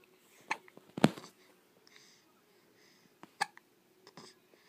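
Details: Baby with three sharp, abrupt hiccups and a few fainter clicks and breaths between them in a quiet room; hiccups.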